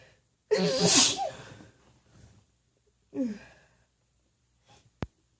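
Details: Female, sneezes induced by tickling with a feather, recorded unmuffled: a loud forceful sneeze, then a softer second one a few seconds later, followed by a brief click.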